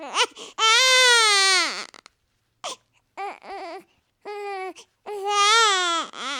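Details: Newborn baby boy wailing in high, strong, sustained cries broken by short catches and pauses for breath; typical newborn cry.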